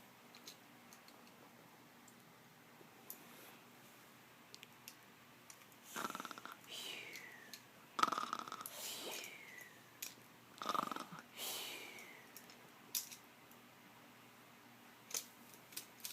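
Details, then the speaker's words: Young child asked to pretend to sleep and snore for the camera: a few breathy, hissing pretend snores with whistly sighs between quiet pauses; imitated, not real, snoring. "you want to pretend to sleep you're going to snore on your video yeah okay do that"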